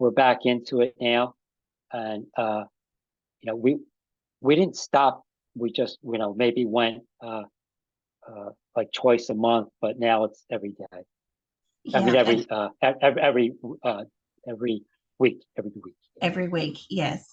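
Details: Aphasia in an adult man about five and a half years after an ischemic stroke that occurred together with a heart attack; ongoing trouble with names and word tenses.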